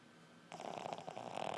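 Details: Loud snoring during sleep: a rough, fluttering rattle on a breath.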